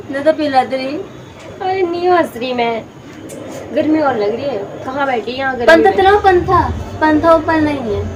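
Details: Adult woman speaking Hindi; ordinary speech.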